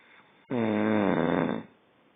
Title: Snoring = Revenge!